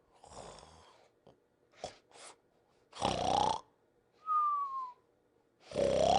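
Cartoon snoring: a rough, noisy in-breath snore, each followed by a gliding whistle on the out-breath, repeated in a slow cycle.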